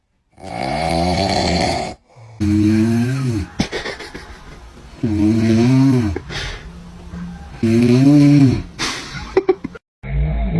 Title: Babies Shocking Reaction to Snoring 😴😂😂#shorts #viral #funny